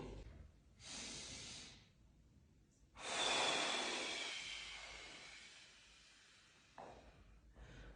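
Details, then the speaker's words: Two loud, forceful mouth exhalations, each tapering off, as a woman does a slow Jefferson Curl back-pain exercise, rolling down and back up while being coached to breathe: effortful breathing during exertion. "I najważniejsze jest oddychanie. Na dół i znowu do góry."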